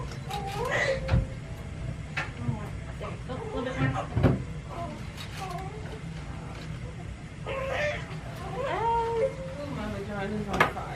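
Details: Thin, high wavering cries of a newborn girl, 7 lb 10 oz, just after vaginal delivery, over room noise, hum and adult voices; a vigorous normal cry.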